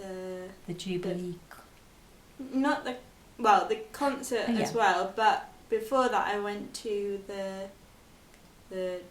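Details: 22-year-old woman with expressive aphasia after a stroke at school at age 18, recorded four years post-stroke; her speech has improved, but reading, writing and numbers remain difficult.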